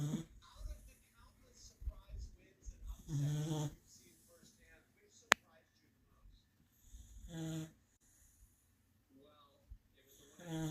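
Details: Sleeping black and white dog wearing an inflatable medical collar: a few rough, low rattling breaths with quiet pauses and one sharp click, snoring said to be caused by the collar.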